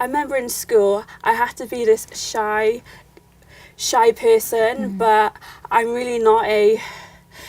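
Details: Young woman who has stammered since childhood and says her stammer stems from fear and lack of confidence; stuttering (stammering).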